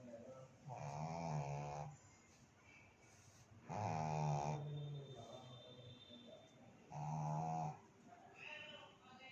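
Three low, buzzing snores at steady intervals, about twenty a minute, over faint room noise: snoring during sleep.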